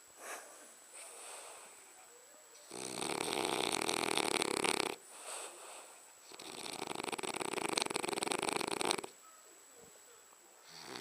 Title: French Bulldog Abercromby snoring